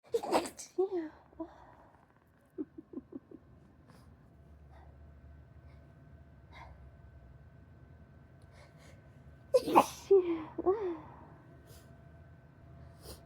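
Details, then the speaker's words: Sudden itchy-nose sneezing with sinus pressure: two bursts of forceful sneezes with short sniffs and snorts between, in a quiet room, before nose blowing. "Oh, my nose just started tickling like crazy out of nowhere."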